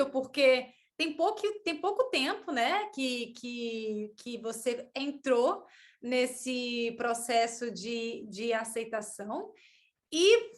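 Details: Adult woman, Portuguese speaker, with mild stuttering beginning around age two and a half to three; word repetitions heard; stuttering.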